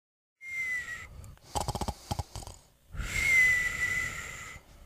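Loud whistling breath sounds framing a burst of rapid fluttering snorts, a stylized snoring pattern.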